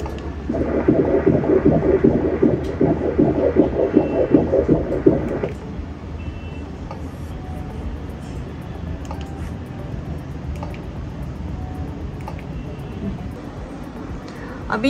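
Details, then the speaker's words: Rhythmic whooshing pulses about 150 a minute, louder then softer, on obstetric colour Doppler sonography of the umbilical cord in pregnancy; umbilical RI 0.65, PI 1.01, S/D 2.87, normal fetal umbilical cord blood flow. "इसको हम लोग umbilical cord बोलते हैं। और इसका blood flow check कर रहे हैं। आपको आवाज आ रही है? यह अंबेलिकल कॉर्ड का वेवफॉर्म है।"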